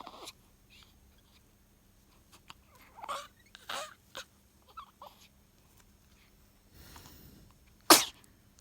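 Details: Newborn on day 0 of life, first sneeze: quiet newborn snuffles and small cries, then one sharp, sudden sneeze.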